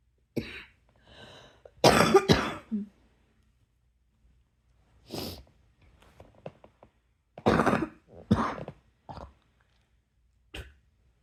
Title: # 149 tonight's coughing attack, luv u